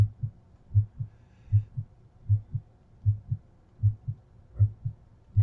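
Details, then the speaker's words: Regular lub-dub heart sounds at about 78 beats a minute with no extra sounds or murmur, auscultated at the pulmonic area and Erb's point in a female patient; normal S1 S2 heart sounds. "s1 s2 and pulmonic area s1 s2 at herb's point"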